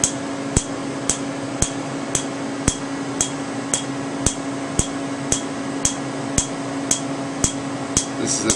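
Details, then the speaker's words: Sharp, evenly spaced clicks, about 113 a minute, over a steady hum from a Candela Tri-Vantage Q-switched 755 nm alexandrite laser treating a previously treated tattoo under topical anesthetic; the patient is bothered. "so this this is the alexandrite 755 nanometer q-switch laser from candela it's called the trivantage we're doing it in the alexandrite mode"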